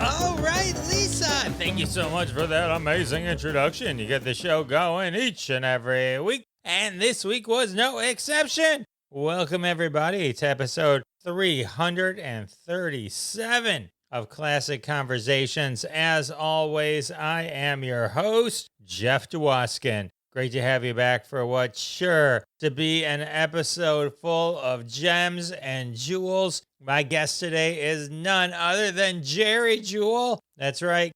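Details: Adult male speaker; typical speech.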